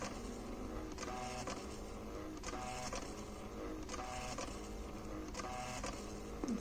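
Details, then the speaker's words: Hospira infusion pump back-priming before starting a B-line infusion, with a syringe attached to the cleaned B port and the back prime button held until air leaves the cassette: repeated mechanical whirring and clicking cycles. "I'm now going to press and hold the back prime button just until the air is removed from the cassette"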